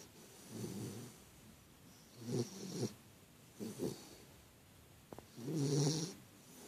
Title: Big snore